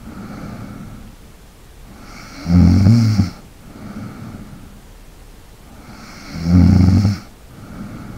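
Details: ASMR recording of snoring with light breathing, made for relaxation: snoring.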